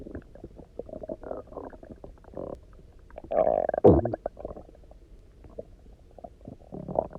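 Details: Stomach rumbling after eating basically nothing for 24 hours, then drinking lots of water and lying on the side: loud, resonant gurgling and rumbling in irregular bursts, borborygmi from an empty stomach.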